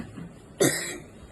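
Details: Single forceful voluntary cough on request from a patient with a six-year history of asthma/breathlessness, now improved on treatment: a sharp burst fading within half a second.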